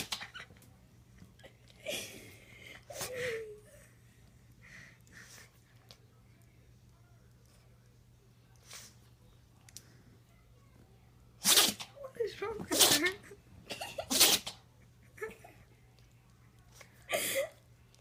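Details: About five sharp, explosive sneezes in quick succession, with quieter breathy sounds between them, in a small room: a sneezing fit.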